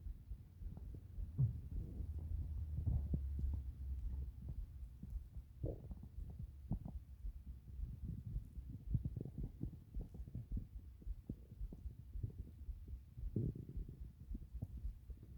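Low, irregular gurgles and rumbles with brief squelching bursts: ordinary stomach growling.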